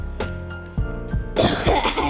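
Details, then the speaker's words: Adult gamer coughs during gameplay: a short run of several dry coughs and throat clearing over quiet background game music. "ചുമയാണ് കേട്ടോ. ആ നിങ്ങൾ വിഷയാക്കണ്ട, ഞമ്മക്ക് game play മതി."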